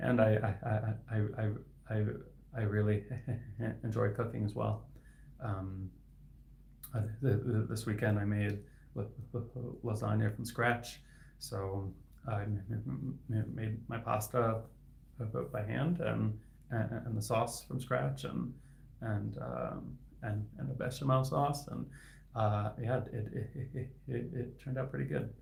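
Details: Adult male speech-language pathologist who stutters; his stuttering is inconsistent, sometimes with words stuck for about 15 seconds; sound and word repetitions heard; stuttering.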